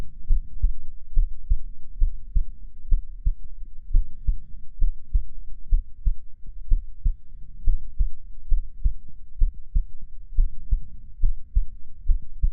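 Steady, regular low thumps at about 75 beats a minute with a soft hum between beats; ordinary heartbeat.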